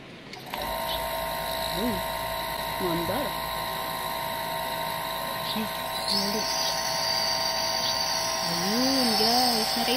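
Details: Newly unboxed portable nebulizer compressor switched on for a test run with water: steady high-pitched electric motor whine and constant buzzing, with faint voices in the background.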